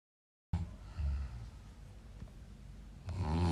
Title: Loudest snore in Earth